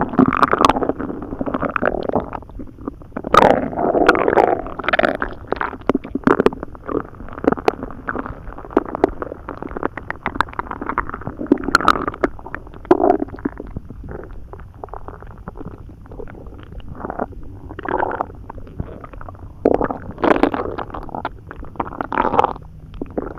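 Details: Loud, almost continuous gurgling and rumbling from the abdomen after eating hotdogs that were not chewed well and drinking a lot of water. Loud bowel sounds (borborygmi).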